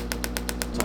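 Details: Sharp, evenly spaced clicks about eight per second over a steady low hum as a shockwave therapy device treats a patient's forearm for golfer's elbow (forearm flexor tendonitis): shockwave therapy device.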